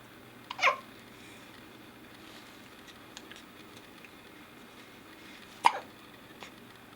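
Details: Hiccups: two sharp, brief hiccup sounds about five seconds apart over quiet room noise.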